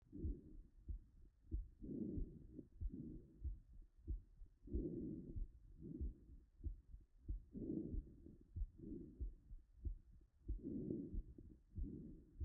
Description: Low-pitched rumbling diastolic murmur hear on auscultation with bell